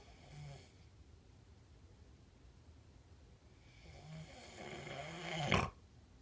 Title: Dad snores